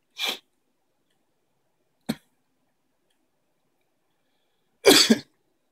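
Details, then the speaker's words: Jasper sneezes: three short explosive bursts with silence between them, fitting small sneezes. "Is he? Is he sniffing? I'm sorry, he sneezed."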